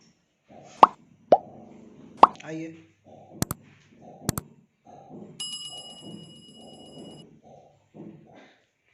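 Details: Several sharp cracks and pops over murmured talk in a quiet room, fitting joint cavitation during a chiropractic knee adjustment for knee pain.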